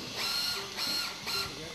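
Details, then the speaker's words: Bone drilling during cannulated screw fixation of a Garden type I right femoral neck fracture in a 53-year-old woman: three bursts of high-pitched motor whine with grinding as a 7.6 mm step drill bores the femoral neck. "we measure the required length of the proximal femoral neck screw drilling with the 7.6 mm step"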